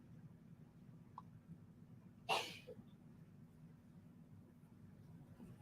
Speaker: daughter's sick again you can hear her sneezing